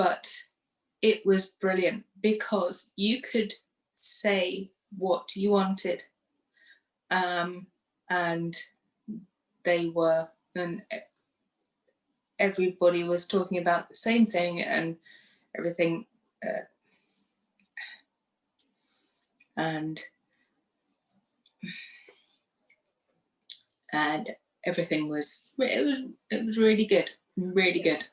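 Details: Aphasia in a woman who lost her speech after a stroke following surgery in 2018, aged 44, and went through rehab.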